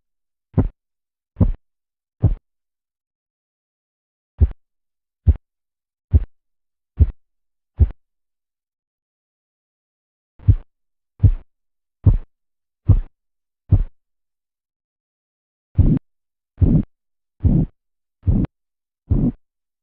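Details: Korotkoff sounds during blood pressure cuff deflation: regular tapping pulse sounds in short runs, about 70 a minute.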